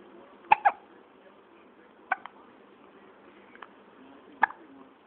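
Abrupt, short voiced catches, about four in five seconds, at irregular intervals: hiccups.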